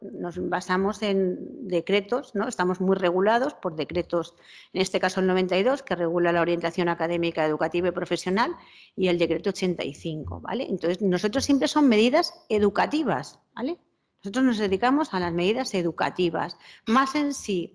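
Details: Adult woman; normal speech.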